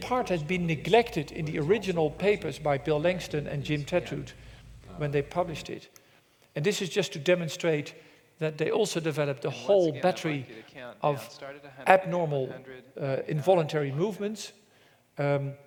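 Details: Adult male presenter; normal speech.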